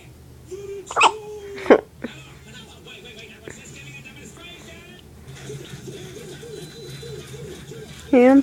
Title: Baby has hiccups